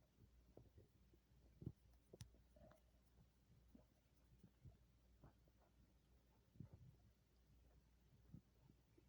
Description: Belly noises after eating an entire pizza & a large shake.